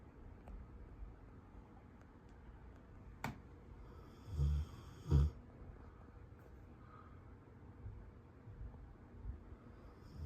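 Two short, low, rattling snoring breaths stand out over steady room noise, with quiet breathing in between.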